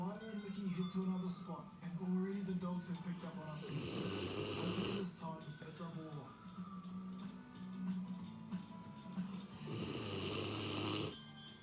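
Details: Female Neo mastiff cross dog snoring loudly: two long, harsh, rattling snoring breaths over a television playing music and talk in the room.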